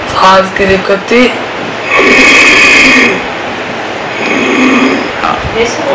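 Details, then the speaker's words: Inspiratory stridor in a child: harsh, high-pitched noisy breathing on deep breaths in, caused by bilateral vocal cord paralysis, in which the vocal cords do not fully open on inhalation; a voice is nearby. "as seen in this video this child has this kind of sound when he breathes deeply inside this is because he has a condition called bilateral vocal cord paralysis"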